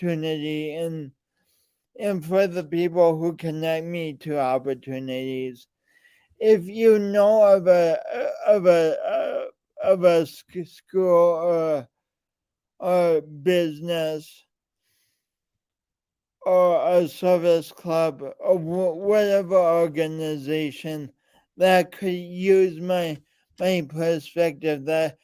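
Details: Man with a speech impediment present since birth, alongside lifelong coordination issues; speech impediment with word repetitions and prolongations.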